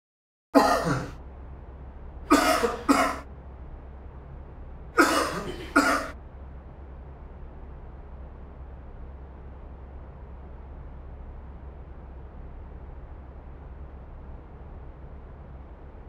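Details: Five sharp, acted coughs in three quick groups over a steady low background hum, from a cough syrup advertisement with husband and wife actors; simulated cough.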